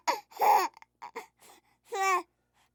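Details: Infant crying sound effect: short bursts of high-pitched wails separated by brief pauses and small whimpers.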